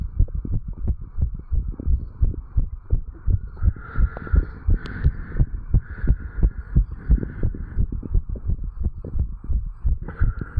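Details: 35-year-old male after jogging, recorded at the tricuspid valve area: fast, regular lub-dub heartbeat about 85–90 per minute; normal heart sounds raised after exercise.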